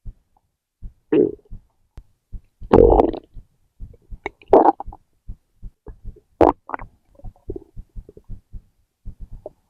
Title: Stomach growl #4